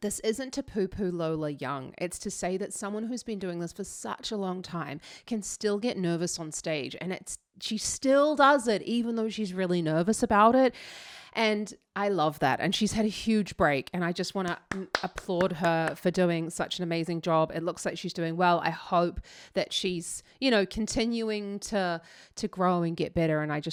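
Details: Adult woman speaking; normal speech.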